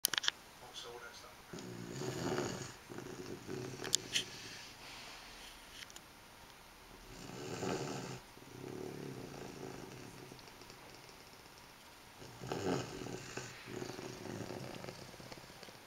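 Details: Steady snoring in sleep: four slow, rumbling snores on the in-breath, about 5 seconds apart, roughly 12 breaths a minute.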